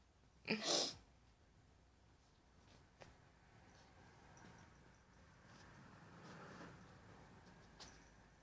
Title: Sneezing kitty